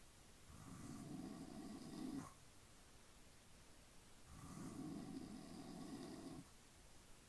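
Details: Adult man (dad) snoring during sleep: two long, rough, rumbling snores on inhalation separated by quiet exhalation.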